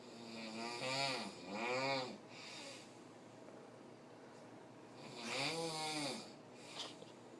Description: My dad friend is here and he snored a lot and woke us up